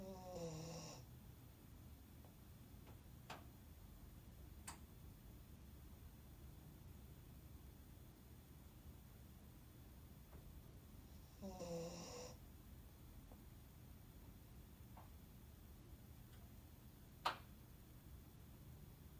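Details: Two soft, rattly snores about ten seconds apart over steady room hum, with faint clicks: Pom Pom snoring while asleep at the office.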